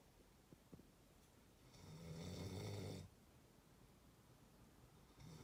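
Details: One long, loud, rattling snore on an in-breath, quiet room before and after, next snore starting at the end; from a one-minute clip of snoring going from soft to rough, tagged sleep apnea.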